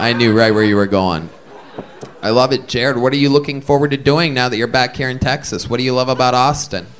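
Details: Adult male speaker; typical speech.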